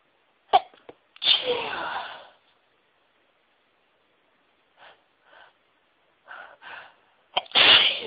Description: Sneezes that drove me mad, teasing me. They would build up for what seemed like ages and I'd just need to sneeze so badly.